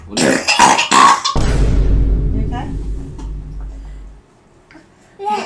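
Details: Burping: a few quick throaty bursts, then a long, low, rattling burp that fades out.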